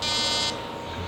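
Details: Fractional laser resurfacing on a patient's neck toward the post-auricular area and hairline, over a zone previously healed by secondary intention after cellulitis; brief electronic buzz from the laser handpiece, stopping after half a second, then quiet room noise.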